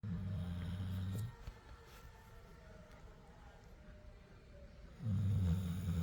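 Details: A sleeping Labrador snoring.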